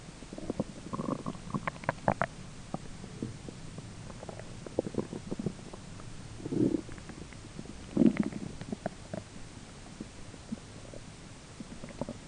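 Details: Ordinary belly grumbling during digestion, with a roommate talking faintly in the background; soft gurgles and rumbles come and go with a few louder bubbling swells. Bowel sounds (borborygmi).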